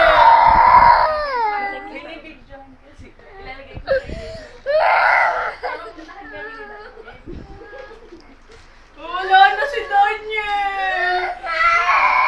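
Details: Infant crying after a phone playing a video was taken away: loud wailing cry bursts with sobbing breaths between, rising and falling in pitch.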